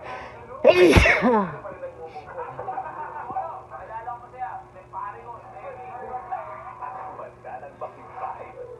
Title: Beautiful Stifle Sneezes.